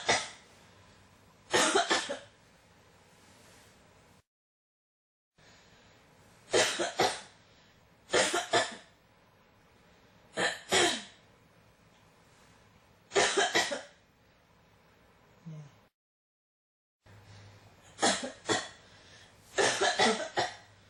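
An adult coughs again and again in short harsh bursts, with brief quiet gaps between fits.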